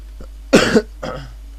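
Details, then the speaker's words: Adult man still recovering from an illness coughs while recording a video game session; cough. "jak słyszycie to ten kaszlenia to Wybaczcie ale jestem troszeczkę jeszcze po chorobie ale tak postanowiłem już nagrywać tak mądrze"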